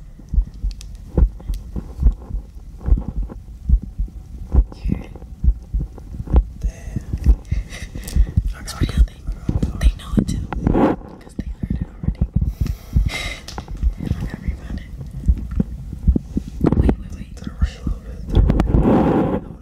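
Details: Regular low heartbeat thumps at roughly 65 a minute, with soft whispering and rustling over them, in a heartbeat ASMR recording with another person; normal heartbeat.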